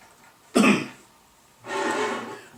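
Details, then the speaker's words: Adult with COPD for 7 years during a coughing fit: one sharp cough, then after a pause a longer, rough, rasping cough or throat clearing. "осле идет к shit непрерывный кашель слезы текут да не можно остановиться ну никак"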